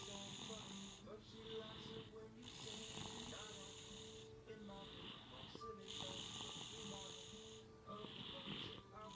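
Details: Child snoring before tonsillectomy: rhythmic loud snoring breaths about every three seconds, with background music and talk.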